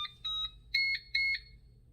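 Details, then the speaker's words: Hamilton C1 ventilator setup training: humidifier power button held 3 seconds, giving three short high electronic beep sequences as the heated humidifier switches on; normal humidifier power-on tone. "휴미디퍼 앞면의 전원 버튼을 3초 동안 눌러 전원을 켭니다"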